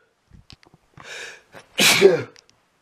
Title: heavy and loud sneezing